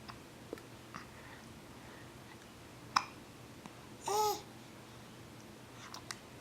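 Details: Short, sharp hiccups and one brief babbling coo from a 4½-month-old baby boy in a quiet room: hiccups.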